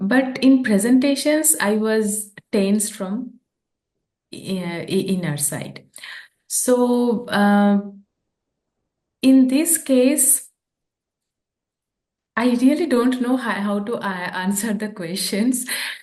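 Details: Adult woman who stammers, translating a poem into English; stammering.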